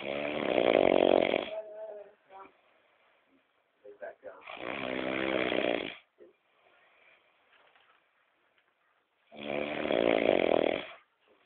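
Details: Brother snoring loudly while asleep: three loud, buzzing, drawn-out inspiratory snores, each about a second and a half, separated by quiet pauses; heavy snoring.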